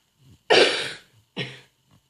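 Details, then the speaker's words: Two dry coughs, the first loud and harsh, the second shorter, with a faint throat sound between; dry irritative cough, which the person attributes to pollen. "Okay guys, so in today's video I'm going to do a video on covering my cough. So I'm going to do it."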